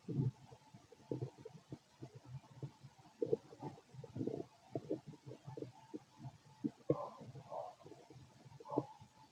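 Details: Stomach growling heard through a stethoscope over the abdomen of a fit adult male: low, frequent gurgles and rumbles; active, normal bowel sounds.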